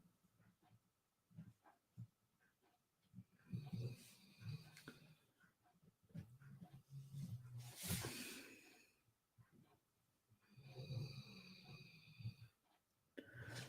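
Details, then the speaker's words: Dog snoring in the background: low rumbling, faintly whistling breaths, about three snores over fourteen seconds in a quiet room. "you can hear my dog in the background snoring away"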